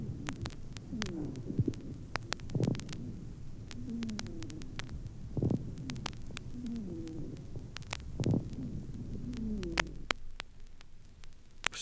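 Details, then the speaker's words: Lung auscultation with mixed moist and dry rales: resonant medium and coarse bubbling crackles on inspiration, dry wheezes of varying pitch on expiration. "иногда сухие и влажные хрипы выслушиваются вместе прослушайте соответствующую запись на вдохе определяются влажные звонкие средние и крупнопузырчатые хрипы А на выдохе сухие хрипы разного тембра"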